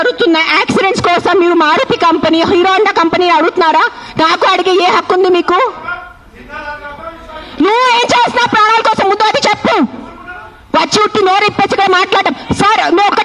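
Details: Adult speaker, likely woman, raised voice; normal speech.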